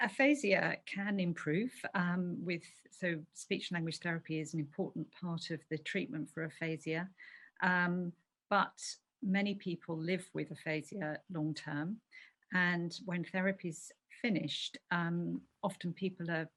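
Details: Adult woman speaking; normal speech.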